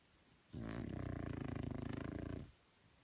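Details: French Bulldog: one long, loud, rattling snore lasting about two seconds in a quiet room; dog snoring.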